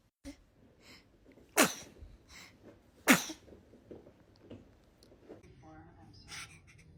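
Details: Infant sneezing twice in a quiet room, sharp ordinary sneezes, with adults saying "bless you" and laughing afterward.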